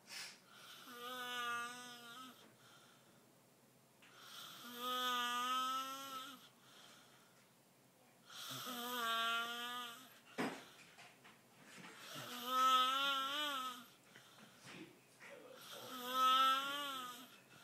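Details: Person snoring loud enough to wake someone across the house, first mistaken for a bird indoors: high-pitched, whistling, tonal snores about every four seconds, roughly 16 a minute, with quiet pauses between.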